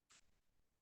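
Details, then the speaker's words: Adult imitation of a cat's asthma attack: after brief silence, a short voiced expiratory grunt, no trouble breathing in; small airway disorder with prolonged expiration and increased expiratory effort. "And this is a classic example of a cat having an asthma attack. This is a small airway disorder, and small airway disorders in dogs and cats are characterized by prolonged expiration."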